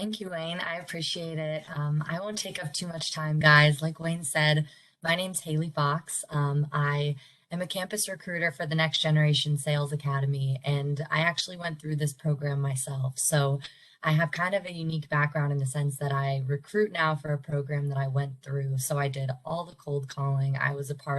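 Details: Adult speaker; Normal speech.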